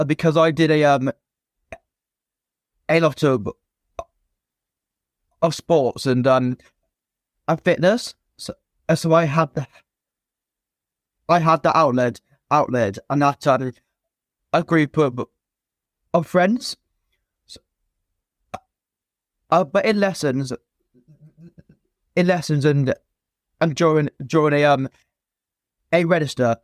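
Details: Stuttering (stammer) present since a young age in an adult man, a former soldier, in spontaneous conversational speech with repetitions and blocks.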